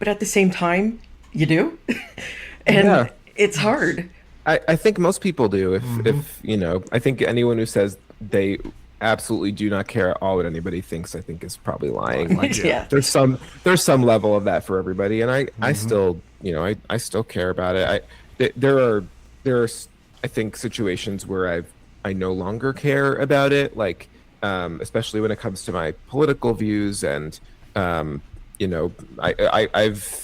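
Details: Adult male with cerebral palsy and a stutter he believes is related to his CP; his own conversational speech with part-word and word repetitions; stuttering.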